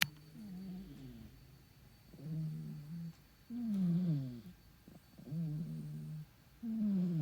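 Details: A sleeping cat makes repeated low, buzzing, tonal snores, about twenty a minute, some rising and falling in pitch; cat snoring.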